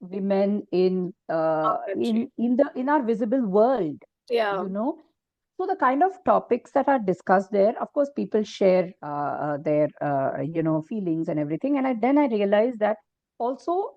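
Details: Stuttering in an adult woman who has stammered since early childhood; it was severe early on and is now cyclical with fluent phases, with blocks and most difficulty on P and T.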